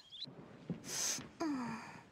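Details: An animated character with an unexplained illness that causes sneezing: a quick intake of breath, then a sharp hissing burst and a drawn-out vocal sound, a gasping lead-in to a sneeze.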